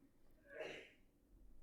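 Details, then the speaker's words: A single faint, muffled sneeze from an adult man (the streamer's father) elsewhere in the room, a short sharp burst over quiet room noise during a live art stream. "that's my dad's sneezing if you can hear that"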